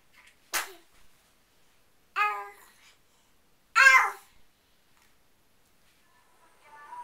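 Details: Three quick, high, squeaky, sharp explosive bursts spaced over several seconds; a series of small sneezes.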